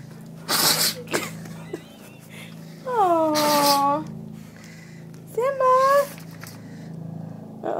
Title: The cutest sneezing dog